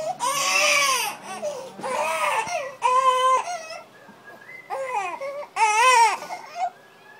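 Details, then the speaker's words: Colicky infant, later given gripe water, crying in loud, strained, high-pitched bursts with brief pauses; infant colic crying. "No te ríes porque sigue llorando."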